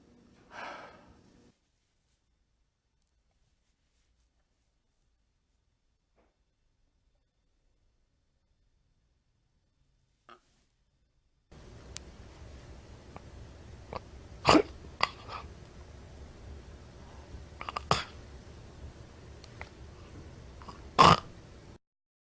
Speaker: In sommige gevallen zal een bewusteloos slachtoffer luidruchtig naar lucht lijken te happen. Dit verschijnsel noemt men gaspen.